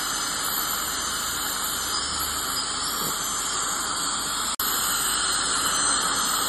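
Loud, steady high-pitched hiss and squeal of a dental air-polisher and scaler running during professional teeth cleaning.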